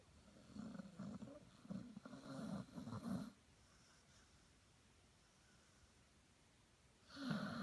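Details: Sleeping Chinese Shar-Pei dog snoring: choppy, fluttering snorts and snores on the breath, a quiet pause, then another snore.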